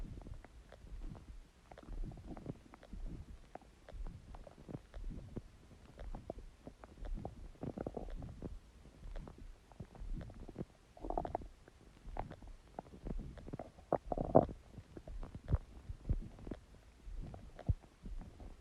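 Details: Soft, continuous gurgling and bubbling with occasional longer low growls; stomach growling (borborygmi) from gas and fluid moving through the gut.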